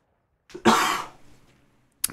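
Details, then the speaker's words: Adult podcaster/streamer with a cold ("man flu"): one harsh, forceful cough fading over about half a second, with a brief sharp second burst at the end. "sorry fair you can hear the cough I'm going through a bit of man flu at the minutes and do apologize if it's ER every now and again"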